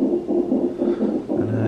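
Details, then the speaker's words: Fetal heartbeat on Doppler monitor during labour in hospital: rapid, rhythmic, regular whooshing pulses; baby reported doing well. "yeah we just got some drinks here and uh you can probably hear in the background of his heartbeat he's doing really well and everything like that"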